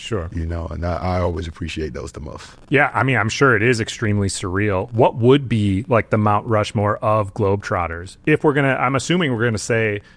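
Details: Two adult men in conversation; ordinary conversational speech.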